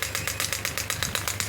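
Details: Pneumatic shockwave therapy device (Biotronix) for physiotherapy firing rapid, regular, sharp clacking pulses, about eight per second.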